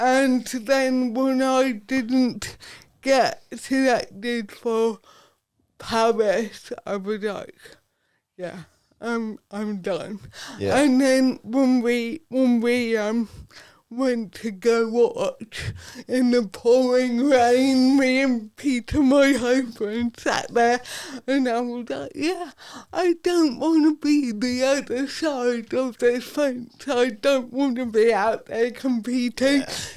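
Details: Adult woman, Paralympic dressage rider, with athetoid cerebral palsy from birth that affects her speech; real, not acted; dysarthria due to athetoid cerebral palsy.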